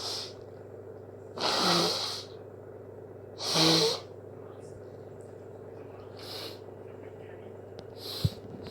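Two loud wet sneezes with faint sniffs between them in a quiet room, consistent with hay fever sneezing.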